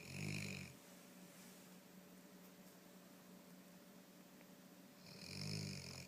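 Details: Two short, rough snores about five seconds apart, roughly 12 a minute, with quiet breathing between, from a sleeping dog; snoring.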